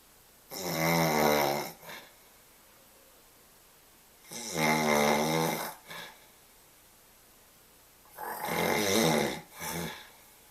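Three loud rattling snores on the in-breath, each followed by a short snort, about 16 breaths a minute; snoring in sleep.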